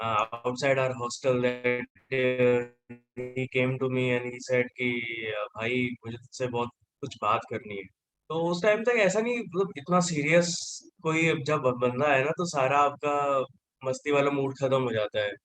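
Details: Stuttering in a 28-year-old man who identifies himself as a person who stammers.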